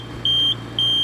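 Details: Oxygen concentrator running with power but flow dial stuck at zero because of a kinked or blocked outlet tubing; steady high-pitched beeps over low machine hum: oxygen concentrator low-flow alarm.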